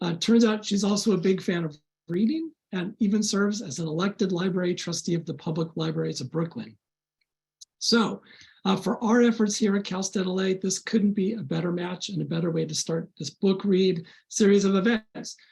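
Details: Adult speaker; Normal voice.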